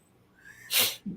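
A quiet indrawn breath builds to one sharp, hissing burst and a brief voiced tail: a single adult sneeze.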